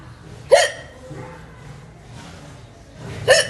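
Two sharp, abrupt gulping 'hic' sounds about three seconds apart: hiccups.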